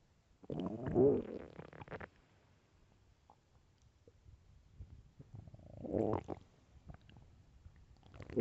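Loud, low gurgling and rumbling stomach growls in two bursts, with quieter bubbling between; normal hunger bowel sounds.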